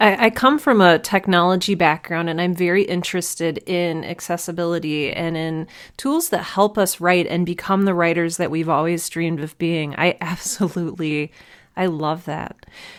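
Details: Adult woman speaking; normal speech.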